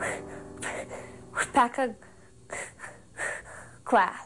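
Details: 17-year-old female student who has stuttered since second grade, with long pauses, repetitions, head movements and eye twitching while forcing sounds out; stuttering.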